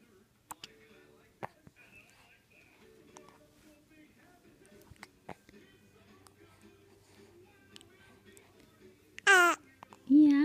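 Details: Infant girl, almost three months old: soft babbling with small hiccup-like catches over quiet background music, ending in two short loud cries; ordinary infant crying.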